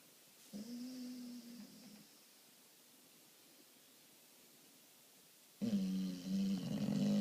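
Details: Two low, buzzing snores separated by a quiet pause, the second louder and rougher, from a sleeping American Bulldog: snoring.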